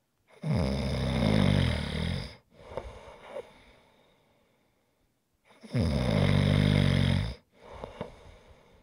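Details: ASMR snoring recording: loud rattling snores on breathing in, with quieter breath out between, a cycle roughly every five seconds; heavy snoring.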